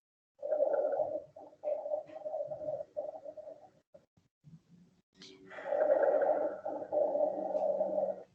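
Low-pitched, rumbling, snore-like continuous sounds come in breath-length bursts with brief pauses between them, typical of rhonchi.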